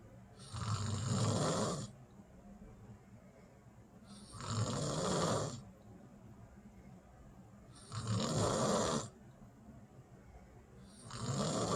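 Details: Woman snoring while asleep at night: loud, rough snores with each breath in, about 17 a minute, separated by quiet pauses.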